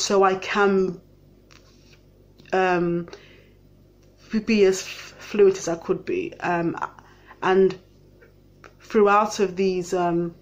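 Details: Adult living with a stammer; stammering.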